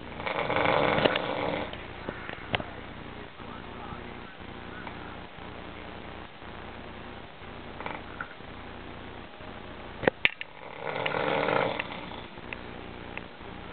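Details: Two soft, rattling snores with quiet breathing and small room noises between them: snoring.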